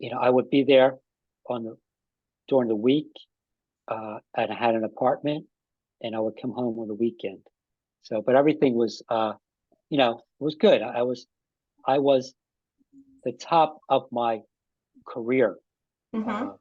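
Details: Adult man with aphasia after an ischemic stroke with a simultaneous heart attack about five and a half years earlier; still has trouble with names and word tenses; aphasia.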